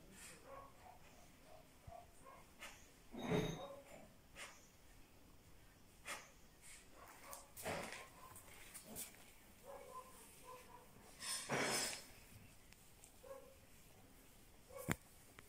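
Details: Dog with cancer that has just started coughing: several harsh, honking cough bursts repeated over the stretch, with soft whines and room noise between.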